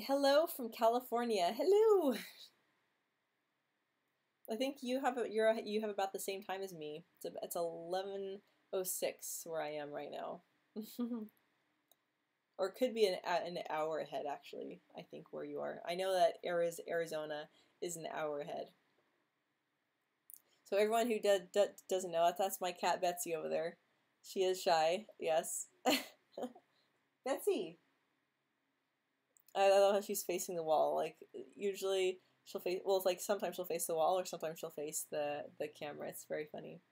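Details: Woman who says she stutters, speaking during a livestream hangout; stuttering.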